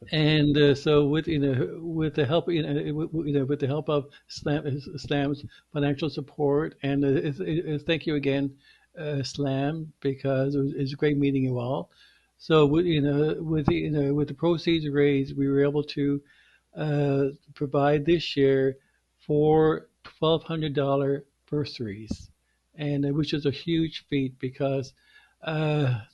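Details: Male podcast co-host who stutters, with repeated words and phrases heard; stuttering.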